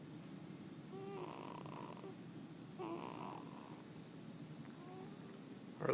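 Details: Gentle snoring: soft, regular rattling breaths, roughly three in six seconds, with a whistly edge, in a quiet room.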